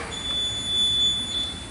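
One steady, shrill electronic tone over low room rumble: the tone an anaesthetic machine sounds when switched on.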